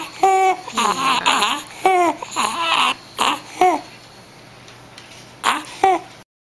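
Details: Young child crying and vocalizing, with harsh, high-pitched noisy inspiratory breaths between cries: inspiratory stridor from croup.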